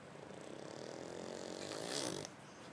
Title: Sleepy Thai dog snoring